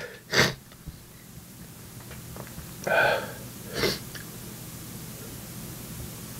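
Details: Three loud, abrupt sneezes in about four seconds with quiet room noise between; cause unknown, possibly a cold or allergies.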